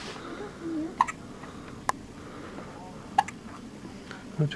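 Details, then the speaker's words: Three brief, sharp hiccups from a baby girl on her second day of life, sleepy and just dressed, in a quiet room with faint voices; newborn hiccups. "so here we are day two just got her dressed her little littlefit and she's got the hiccups on her oh that's what I felt inside my belly all the time"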